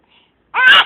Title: sneezes ;)